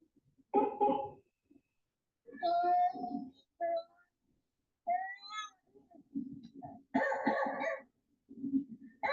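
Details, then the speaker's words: Young child in the emergency room with croup and retractions: harsh, seal-like barking coughs with high, strained inspiratory stridor. "When you hear croup, the noise almost doesn't sound human. It sounds like it's coming from an animal, like I said, like a seal,"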